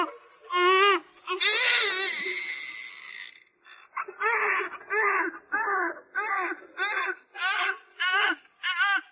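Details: Strong, high rhythmic wails from a newborn just delivered by C-section, about one cry a second after a few longer cries: a vigorous normal cry after birth, with faint music.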